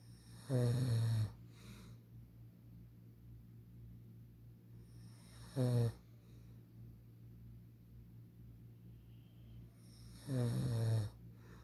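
Three loud, low, rattling snores on inhaling, roughly every five seconds, with quiet breathing between them: ordinary snoring.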